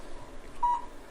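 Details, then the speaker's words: A low-level (cold) laser runs a plantar fasciitis program on the patient's foot (plantar fascia) and gives a single short electronic beep over quiet room noise, showing the machine is on during a treatment of about 4.5–5 minutes. "Beautiful thing about this technique is you can hear the machine beeping. We know it's on."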